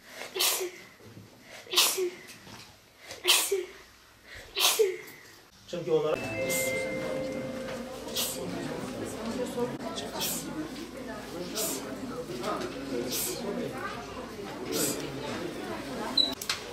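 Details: 15-year-old girl with uncontrollable repeated sneezing for about 10 days, undiagnosed, referred to hospital for tests: four forceful sneezes in quick succession, then room noise and talk with further sneeze-like bursts; paroxysmal repeated sneezing.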